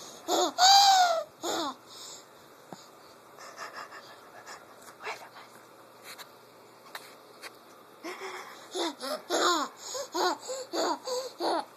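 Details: Baby laughing in bursts with high-pitched, whistling wheezy breaths between and within the laughs.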